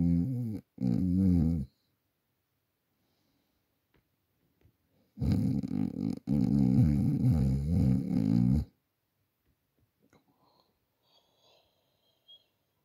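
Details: Adult asleep at night, recorded on a Samsung Galaxy A40 phone: loud, deep, rattling snores during inhalation separated by quiet pauses; ordinary snoring.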